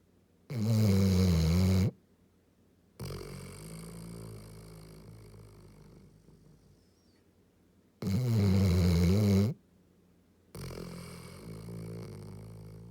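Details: Yellow Labrador dog snoring: two loud, deep, rattling inspiratory snores, each followed by a softer whistling exhalation; heavy snoring, loud like a train.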